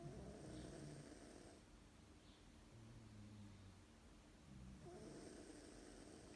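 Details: Female cat snoring during a lunchtime nap: soft, low rattling snore on each breath in a quiet room, about two breaths heard.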